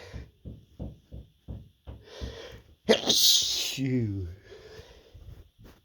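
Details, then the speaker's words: Repeated stifled sneezing from a person with an itchy, tickly nose: a run of small stifled sneezes, then one loud full sneeze with a voiced trailing exhale. "Oh my goodness. So tickly. Another sneeze. Chew. Oh my God, that was a lot of sneezes."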